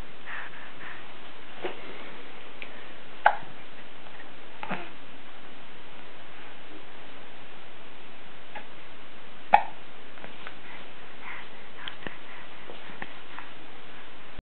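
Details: Hiccups from a grandchild recording a message for grandparents: two sharp, abrupt little catches several seconds apart over a hissy recording, with fainter clicks between.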